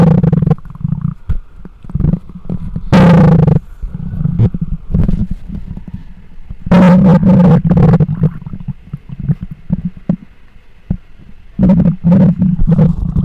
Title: Mic Up Stomach Growls 2